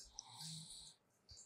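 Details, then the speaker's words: Snoring from an adult with about one month of on-and-off sleep disturbance who is sleeping deeply during shirodhara Ayurvedic treatment for insomnia, snoring continuing despite loud talking nearby. "గట్టిగా మాట్లాడుతున్నా నమ్ము అయినా కూడా గురకలు వస్తా ఉన్నాయి just ఆ sounds మీరు just వినండి."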